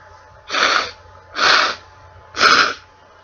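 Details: Three short, forceful, airy bursts about a second apart over a faint low room hum: one more sneeze followed by nose blowing.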